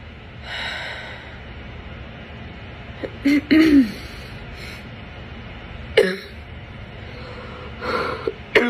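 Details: Person sick in the morning gives a few harsh, hoarse cough bursts with a honking, barking edge, separated by quiet breathing and room noise; barking cough.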